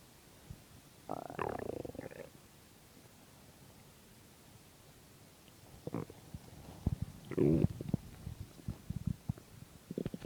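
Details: Stomach growling recorded from a person's empty stomach: borborygmi.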